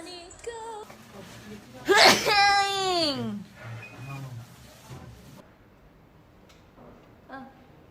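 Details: Member of a K-pop group sneezing during a broadcast: brief chatter, then one sharp noisy sneeze burst followed by a falling voiced cry, with faint room noise afterward.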